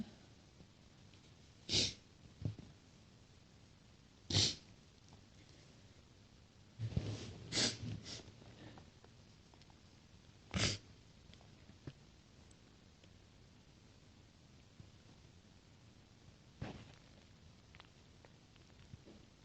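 About five separate sneezes, each a short explosive burst, spread over twenty seconds in a quiet room. A series of ordinary sneezes.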